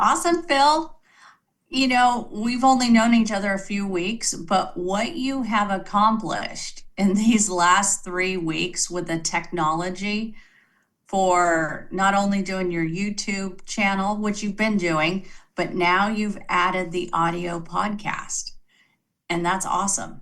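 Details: Adult woman speaking; Normal speech.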